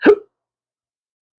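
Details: Man with chronic, intractable hiccups, speaking about losing his careers and social life: a single abrupt voiced hiccup lasting a fraction of a second, then silence.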